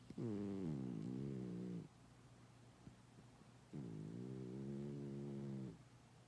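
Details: Overweight pet cat snoring loudly while napping: two long, loud, buzzing snores on inhalation, about two seconds each, with quiet breaths between.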